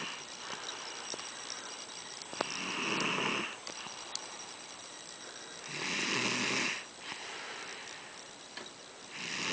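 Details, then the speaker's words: Man snoring during sleep though he says he doesn't: loud, rough breathing noises about every three seconds, roughly 18 a minute, with quiet gaps between. "is snoring as usual. Check that out. But he says he doesn't snore."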